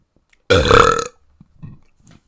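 One loud, drawn-out voiced belch lasting about half a second, then a few faint small sounds; an ordinary burp.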